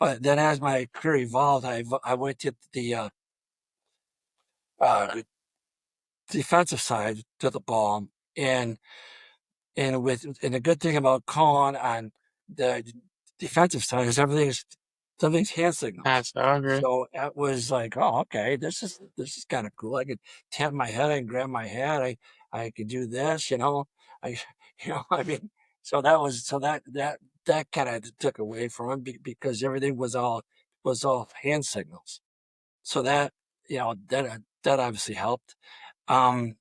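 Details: Adult male high school football coach with 34+ years of coaching who has stuttered throughout his career, with blocks reported on the letter D; stuttering.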